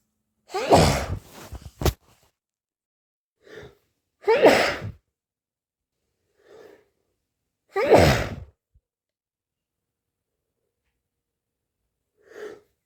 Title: itchy sneezes